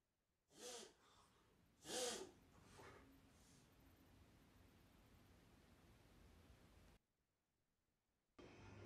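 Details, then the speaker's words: Dog makes several loud, harsh snorting nasal inhalations during a reverse-sneezing episode, played as an example of upper airway noise; reverse sneezing. "sound this is the sound that reverse sneezing is giving"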